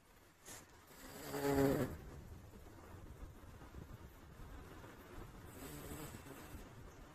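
One rough, vibrating snore on a breath in, then a fainter second one, over steady low room noise.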